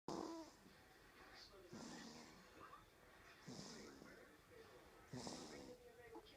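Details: Baby snoring: soft, wheezy snorts and whistling breaths repeating about every two seconds, light snoring.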